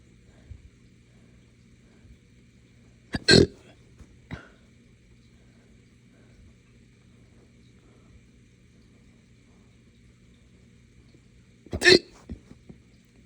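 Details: Adult with hiccups mixed with burps after drinking morning coffee too fast on an empty stomach; two sharp abrupt throat bursts about eight seconds apart over quiet room hum, each hiccup merging into a short burp.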